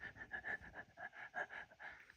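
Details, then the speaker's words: Quiet, fast, shallow, rhythmic, almost panting breaths from a nearly 17-year-old dog diagnosed with congestive heart failure (misdiagnosis questioned); the owner noticed the lungs "going really fast"; rapid breathing (tachypnea). "basically the way I noticed he was having some problems it was like his lungs were going like really fast"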